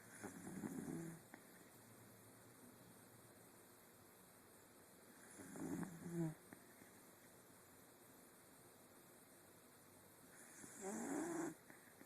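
Soft, rough breathing noises about every five seconds over steady room hum: snoring.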